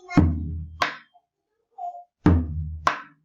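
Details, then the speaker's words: Teaching demonstration with a drum imitating heart sounds, not a real patient: regular R1–R2 sequence at normal intensity, before intensified and muffled versions; normal first and second heart sounds (S1 and S2). "Si yo tengo una, digamos que variación en la intensidad del ruido, pues lo escucharía más fuerte o más débil. Por ejemplo, si esto es lo normal,"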